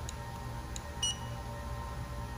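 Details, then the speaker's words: Short electronic beeps from a dental curing light switching on, over quiet room hum, before light-curing sealant material on a posterior tooth; normal device signal. "and then what we'll do is we're going to take our light hit our power button i'm going to make sure we're safe with this i'm going to light cure it"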